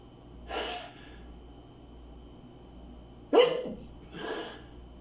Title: Sneezing